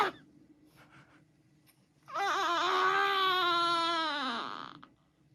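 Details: A 37-day-old infant makes a brief wavering, whiny, cry-like vocalization during sleep; a normal newborn sleep noise.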